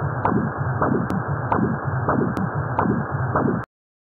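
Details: Transcranial pulsed Doppler of the middle cerebral artery showing back-flow: brief whooshes over a steady hiss, a reverberating to-and-fro flow pattern characteristic of cerebral circulatory arrest.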